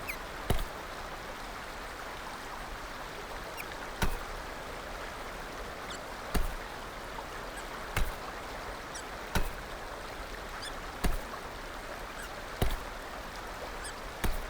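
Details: Hiccups from a female: brief sharp hiccup clicks, about nine in fifteen seconds, over steady background noise.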